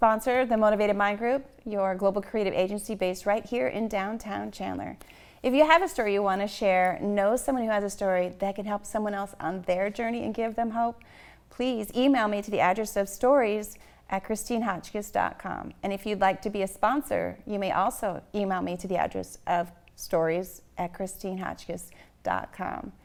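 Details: Adult woman; normal speech.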